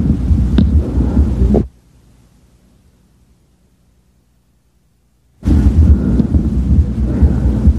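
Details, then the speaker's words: Bronchial breath sounds auscultated over the left lower lobe. "bronchial sound, left lower lobe."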